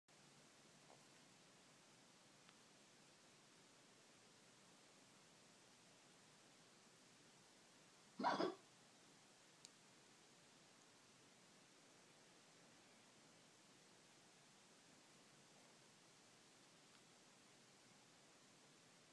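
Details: Hiccups about every 10–12 seconds keeping her from sleeping; a single sharp hiccup, a sudden involuntary catch of breath against quiet room hiss.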